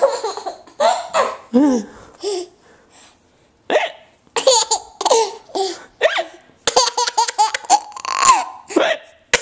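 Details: Hiccups from a person while someone reacts as if they are funny.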